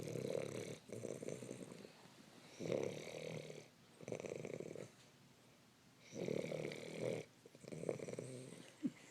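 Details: Loud, rhythmic, rattling snores on both the in-breath and the out-breath, about four cycles in nine seconds, with quiet gaps between.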